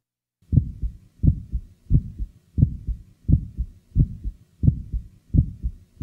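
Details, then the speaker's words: Patient with mild aortic stenosis: regular heartbeat about 86 a minute with a sharp, high-frequency early click just after the first sound, an aortic ejection sound heard best at the base with the diaphragm firmly pressed. "listen now to an ejection sound the following example was was taken from a patient with mild aortic"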